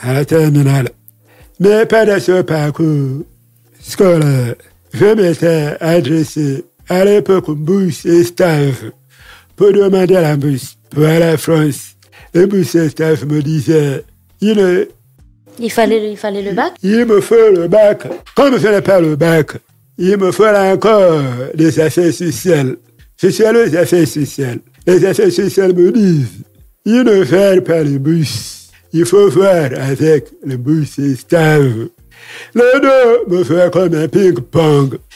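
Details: Deaf speech from a man who lip-reads, deaf since a childhood illness, who says his voice has not been normal since a throat operation in a Libreville paediatrics department as a child.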